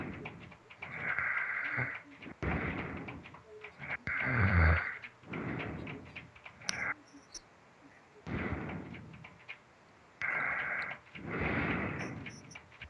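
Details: Snoring: repeated snorting, rasping breaths with a whistling edge on some, short pauses between.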